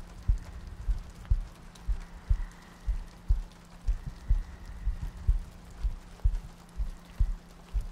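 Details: Soft, regular, slow heartbeat thumps at about 60 a minute with rain in the background, from a looped ASMR sleep-aid recording with soft breathing and rain ambience.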